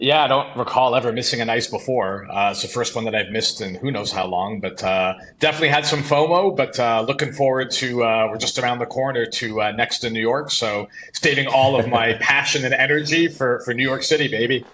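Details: Adult man speaking; Normal voice.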